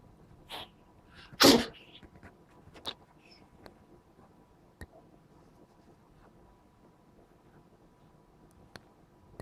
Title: The cat is tired of sneezing 😂🥺